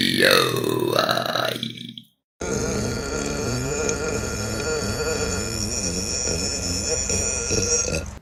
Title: Burping Compilation June 2023 #3 | RBC